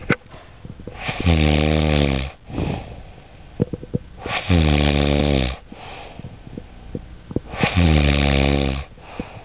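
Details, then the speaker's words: Sleeping man snoring: loud, low, rattling snores with each breath in, about 18 a minute, with quieter breaths out and faint room noise between them. "sleeping and he's snoring. He's snoring. Listen to him roar."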